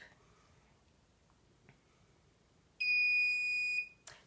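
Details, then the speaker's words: T34 McKinley syringe driver keypad being locked by holding down the information key: quiet room, then a single clear one-second electronic beep confirming the lock. "before you leave your patient you have to lock your keypad and you do that by simply pressing the information key holding it down watching the box and listening for the beep"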